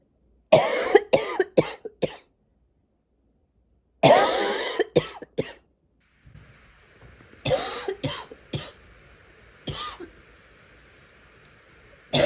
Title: Some rapid coughing